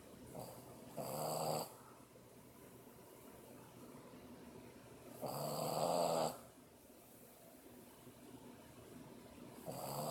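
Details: 7-month-old Boston Terrier asleep, snoring: slow, buzzing snores on each breath, about 12 a minute, with quiet between them; ordinary snoring.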